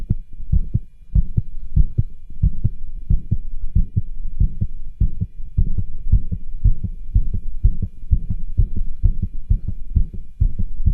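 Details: Cardiology stethoscope auscultation over tricuspid, aortic and pulmonic areas in a male doing pushes: fast regular heartbeat near 95 a minute with rough scratchy murmurs and rubs between beats, especially pulmonic area.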